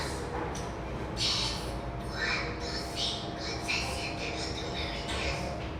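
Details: Child with laryngeal papillomatosis from HPV acquired in the birth canal, dysphonia appearing between ages 2 and 5 with no periods of normal voice; dysphonia from recurrent respiratory papillomatosis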